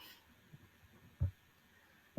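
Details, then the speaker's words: Normal heart sounds through a stethoscope: soft, deep lub-dub thumps; S1 from AV valve closure as ventricles contract, S2 from semilunar valve closure at start of ventricular diastole. "The second sound, which marks the beginning of ventricular diastole, is caused by the closing of the semilunar valves. So the lub-dub sound is the sound that you hear when you use a stethoscope to listen"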